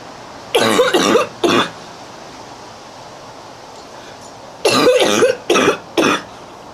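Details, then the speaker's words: Girl coughing: two clusters of three harsh coughs separated by a quiet pause; recurring coughing bout. "My neighbors really hear me cough. My grandmother cough like and I just bring it on myself."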